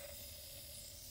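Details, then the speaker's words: Steady soft hiss with no breaks from a nebulizer with a simple face mask, running on oxygen at about seven liters per minute to mist an aerosolized inhaled medication; a treatment takes ten to fifteen minutes. "want to just watch it miss there so about seven liters this time got it to mist and we'd attach it to the person's face"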